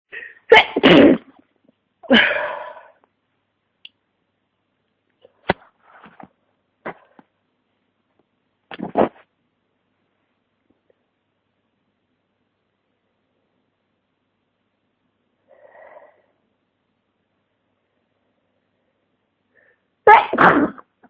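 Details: Person with flu and congestion sneezing several separate times, with sniffs and quiet gaps between sneezes.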